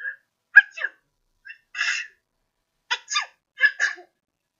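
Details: Sneeze sounds recorded with a piezoelectric contact sensor in an experimental LabVIEW test: several short, explosive paired bursts, slightly tonal and muffled, a series of sneezes.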